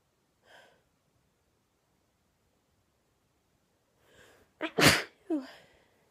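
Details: Woman sneezing with an itchy throat: a faint sniff, then one sharp, forceful sneeze with a short follow-on breath in a quiet room.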